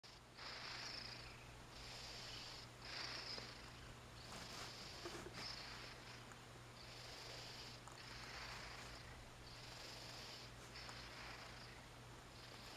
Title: Oz sleeping and snoring on the bed